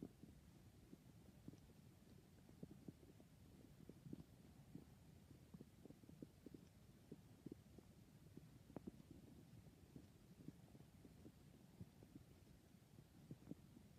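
Low, faint rumbling with scattered soft gurgles and pops over steady background hiss; ordinary stomach growling.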